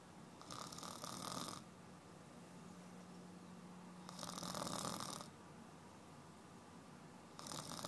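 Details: Loud rattling snores from an adult woman on each breath in, about 8 a minute, with quiet breaths out between; ordinary snoring.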